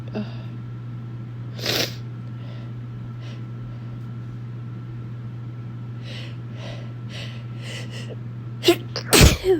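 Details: Compilation of sneezes from one person over a day; the cause is uncertain (cold or winter allergies?): several short sharp sneezes over a low room hum, ending in a loud burst.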